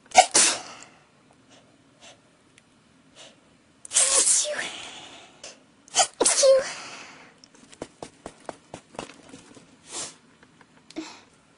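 A run of about five forceful sneezes in close succession, with quick inhalations and quiet gaps between.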